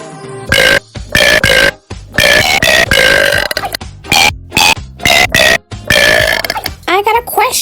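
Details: Rapid run of loud deliberate burps shaped to follow a song's melody, music underneath; burping.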